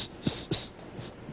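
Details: Adult host, in Portuguese, imitating the sound repetitions of a child aged 2 to 5 who is starting to stutter: stuttering, sound repetition (imitated).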